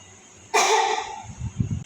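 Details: One sharp, deliberate cough after a deep breath in and a quiet pause, demonstrated while teaching a female patient the effective cough technique.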